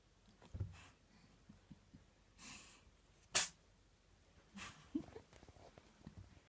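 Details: Soft breathy puffs around one sharp, high little sneeze from a cat after playing, with faint sniffles after; a cat sneeze.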